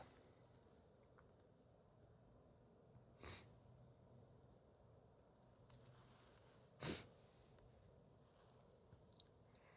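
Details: Female stifling sneezes after sniffing chhinkni (sneezing powder), feels it tickling; two brief, muffled, held-back bursts a few seconds apart in a quiet room before release: sneezing.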